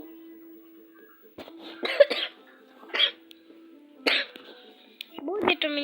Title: СЫГРАЛ В КОМАНДЫ И ПРОИГРАЛ НУБАМ??? (сорри за кашель я болею)